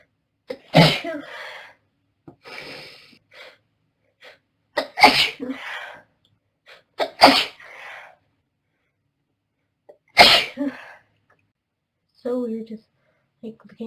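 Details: Four sharp, explosive sneezes, each followed by a short breathy trail, with faint breaths between: repeated sneezing in a girl with hay fever.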